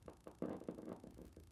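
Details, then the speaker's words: Needle EMG of a foot-region muscle while the patient gently brings the toes up, with the needle redirected: quiet, regular thumping pops of several distinct normal motor unit potentials. "hold that contraction good good there's different motor units there i'm going to redirect it slightly good then there's another nice motor unit there"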